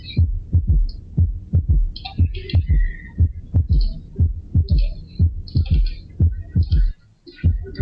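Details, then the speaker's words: Third heart sound (S3) in a regular rhythm: a soft, low extra thud just after the second sound, marking the rapid ventricular filling phase; can be physiological or pathological. Teaching recording. "ya el tercer ruido cardíaco se escucha después del segundo ruido cardíaco y nos indica fase de llenado rápido o sea la primera fase les llena en unos casos y fisiológico y en otros casos seres patológico"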